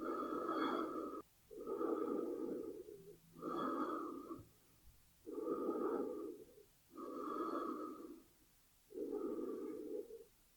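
Slow, steady breaths in and out, about 17 full breaths a minute, a sound-effect recording of breathing.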